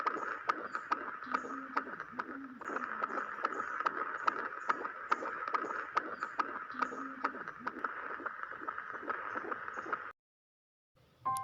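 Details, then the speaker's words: Doppler over the mother's lower right abdomen with gel, listened to for 1 minute during normal labour care: rapid, regular swishing pulses over hiss at about 140 a minute. Normal fetal heart sounds. "selanjutnya kita lakukan pemeriksaan djj atau denyum jantung janin berikan jelly pada bagian perut kanan bawah Ibu setelah itu mengambil Doppler untuk mengecek apa adanya jantung janin masih dalam keadaan normal dengarkan selama 1 menit"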